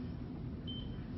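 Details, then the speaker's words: Single brief high beep over low room rumble as the bed exit alarm on a Stryker hospital bed footboard panel is reset and armed for a high fall risk patient, bed cord plugged into nurse call. "Your bed cord is plugged into the bed exit alarm port on the nurse call, and that you turn the bed exit alarm on the footboard panel. Press the reset set button, hear it beep,"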